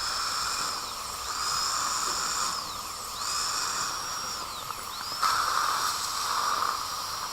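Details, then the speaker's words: Dental drill used by hand during same-day placement of 10 porcelain veneers, reshaping for arch symmetry: high whine rising and falling in short bursts with a hiss of water spray. "by hand with a dental drill as well we don't have to be concerned about the the ceramic"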